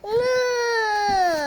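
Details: Young child named in the clip crying: a single sustained, high-pitched, clear-voiced wail; an ordinary cry.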